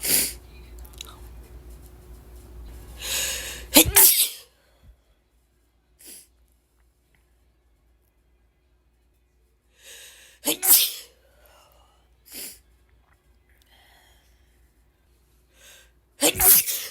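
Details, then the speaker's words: Woman with itchy ragweed allergies in a sneezing fit: three forceful sneezes, each preceded by a short indrawn breath, with sniffs between. "sorry just guys I can't stop sneezing I guess I'm just gonna keep recording and see how many I how many times I sneeze"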